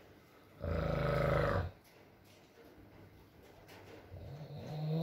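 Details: Adult man (boyfriend) asleep, ASMR recording: one loud, rattling snore followed by quieter breathing, over soft rain-like background noise; snoring.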